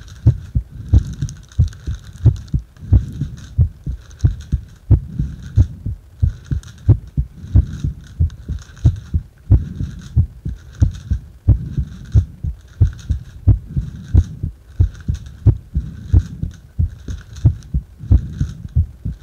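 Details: Heart sounds recorded during rebreathing into a paper bag: steady, regular low thumping heartbeat at about 90 beats a minute.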